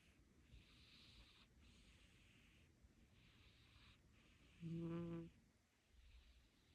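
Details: Devon Rex kitten snoring while sleeping soundly on its owner's lap.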